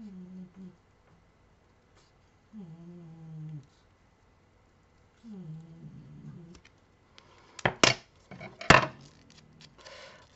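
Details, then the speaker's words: Snoring heard in the background during a recording, from someone. "entendez le ronflement de de"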